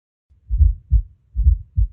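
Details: Heart auscultation: low, dull heart sounds at about 68 beats a minute with a soft extra thud just before the first sound, a fourth heart sound (S4).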